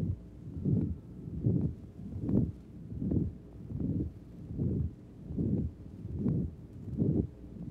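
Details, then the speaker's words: Woman with valve disease of the heart before surgery, heard from another chest area: a regular heartbeat of about 76 a minute, each beat smeared by a low rushing murmur from a second deformed valve. "from another area of the chest indicates a different type of murmur because the patient has deformity of a second valve of the heart, which will be corrected at the time of the same operation."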